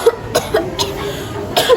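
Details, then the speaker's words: Simulated cough in a student nursing skit on effective coughing: about five short, dry coughs in quick succession. The character is told her coughing technique is wrong and she should cough into the crook of her elbow, a tissue or a handkerchief. "kenapa Ra batuk-batuk aja dari tadi"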